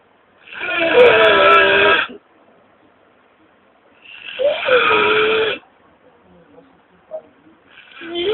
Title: GORDINHO RONCANDO